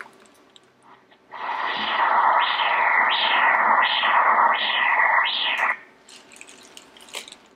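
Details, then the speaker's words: Right uterine artery Doppler at 34 weeks of pregnancy, checking blood flow to the uterus: rhythmic whooshing maternal pulses at about 85 a minute, a normal flow signal; the mother then reports a practice (training) contraction. "This right here is the right uterine artery. Great."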